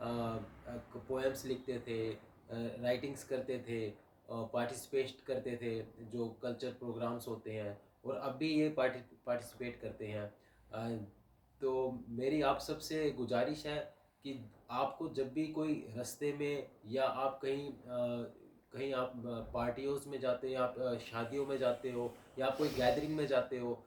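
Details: Adult male speaker; typical speech.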